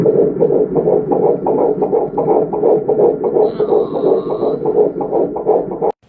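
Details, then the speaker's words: Normal fetal heart sounds on handheld Doppler, probe on lower abdomen with gel, mother lying on back or left side: rapid, regular whooshing heartbeat about 150–170 per minute; normal range 110–160, usually heard from second trimester. "normal fetal heart rate is 11 to 160 beats per minute usually you can hear fetal heart sounds from second trimester"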